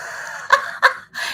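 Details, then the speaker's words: Small sleeping pet dog (female) giving two brief, whistling, nasal snorts over a steady room hum: light snoring. "I don't, she was snoring, my little dog."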